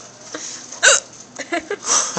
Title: Listen to my hiccups! Lol